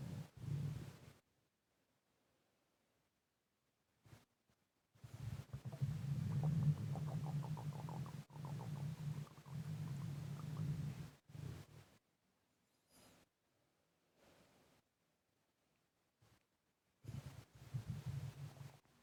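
Low, bubbling gurgles and rumbles from the abdomen, alongside slow, heavy breathing; ordinary bowel sounds.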